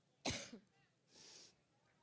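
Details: An adult woman speaking at a Cleveland campaign rally has a coughing fit she calls an allergic reaction: one harsh cough burst followed by a softer breathy exhalation.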